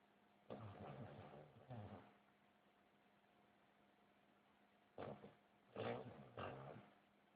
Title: my cousins dog snoring